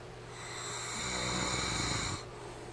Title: My husband snoring like a farm animal